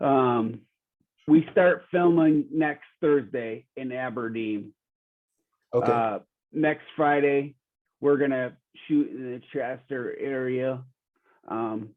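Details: Real 45-year-old man with rare (under one in a million) primary progressive apraxia of speech; knows the words but they don't come out clearly; speech declining since a previous interview months earlier; primary progressive apraxia of speech.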